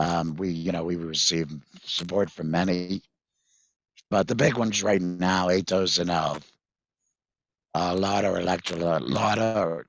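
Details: Tracheoesophageal speech with a voice prosthesis from a 66-year-old man after total laryngectomy in February 2019 for vocal cord cancer, which followed months of hoarseness; prosthesis placed September 2019; he previously used a whiteboard and an electrolarynx.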